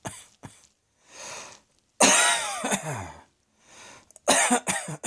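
About six sharp cough bursts, one long and voiced, separated by audible in-breaths; an adult coughing repeatedly.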